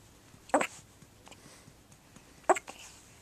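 Two short, abrupt, jerky bursts of breath about two seconds apart in a quiet room; hiccups in a baby.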